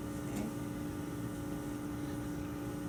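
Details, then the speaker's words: Tracheostomy care and suctioning demonstration: suction turned from off to regular, pressure set in the 80–120 range, giving the running sound of the suction machine before catheter hookup. "so using my clean hand I'm going to turn my suction on so from the off I'm going to turn it to Reg EG or regular and I'm going to turn the knob so it's with with suction"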